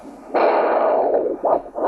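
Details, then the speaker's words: Handheld Doppler at the posterior tibial site while the foot is squeezed: sudden low windy roar lasting about a second, normal venous return augmented past the transducer. "I'm going to squeeze the foot and you'll hear Venus return moving past that Doppler transducer."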